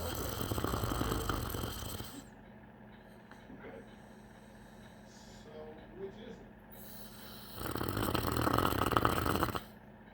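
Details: Snoring caused by a large MLO cancer tumor, after the first chemotherapy, with a CT scan pending for possible removal: loud, harsh snoring breaths with quiet pauses, from partial airway blockage.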